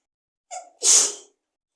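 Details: Female, forceful wet, snotty sneeze induced by tickling the nose with a tissue: a short in-breath followed by one forceful, hissing sneeze burst.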